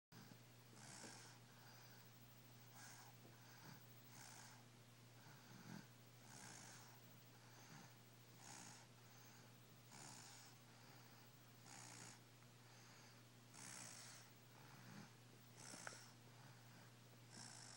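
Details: Baby snoring: soft, regular noisy breaths with a faint rattling snore on each cycle, about 25 breaths a minute, over a steady low hum.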